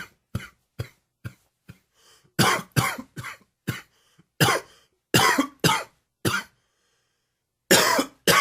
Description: Another little allergy cough for you. Dry and wheezy.